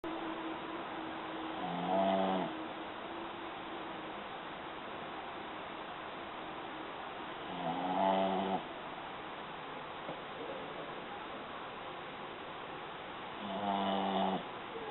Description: Frank the pug. snoring.